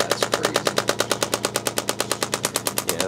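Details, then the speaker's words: Radial pulse shockwave therapy in a chiropractic office, device held on muscle of an adult with strain in the right side of the neck into the shoulders: rapid steady mechanical tapping pulses about three per second. "that you can even kind of see he gave us a little bit of reaction there as well so we're we're getting a nice Shockwave treatment here"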